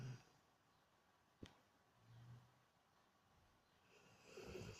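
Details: Weimaraner dog sleeping; snoring.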